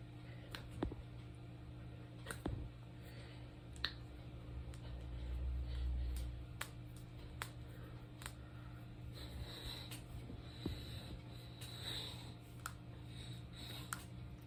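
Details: Someone cracking their fingers and knuckles: scattered sharp pops and clicks over a steady low room hum.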